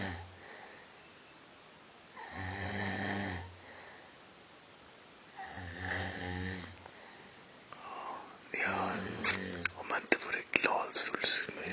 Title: snoring at Fanfest 2013